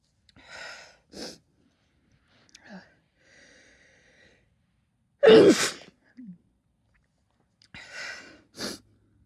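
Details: Female sneezing: quick indrawn breaths build to explosive bursts, with a loud central sneeze among smaller ones in a quiet room; repeated sneezing.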